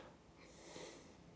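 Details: Brief hissing, slurping suction noise as a large chunk of wax is drawn from one ear canal during endoscopic microsuction.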